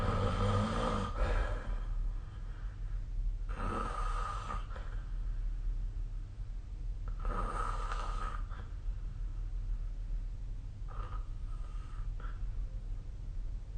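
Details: Soft, rhythmic snoring breaths, about four cycles in fourteen seconds, over a steady low background hum; snoring during sleep.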